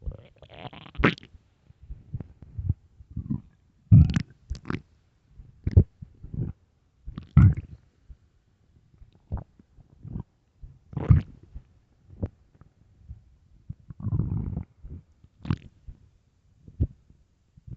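Repeated low gurgling and rumbling bursts, about 17 a minute; stomach growling from an empty stomach.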